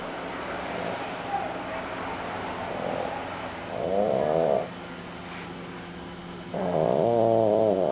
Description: FRENCH BULL DOG FAST ASLEEP SNORING